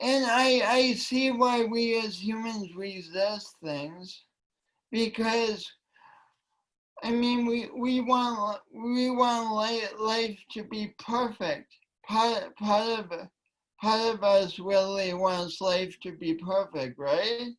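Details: Woman with a long-standing speech impediment affecting her voice and coordination, which she denied for years; speech impediment with disfluency.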